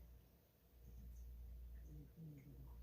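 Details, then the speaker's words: A sleeping rescue cat snores: a quiet, low rumbling with a faint whistling tone, in a small room. "That is my cat snoring. I apologize."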